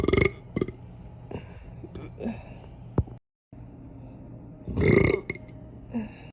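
Several short, gurgling belches are followed by a louder, longer one after a brief cut. This is ordinary burping.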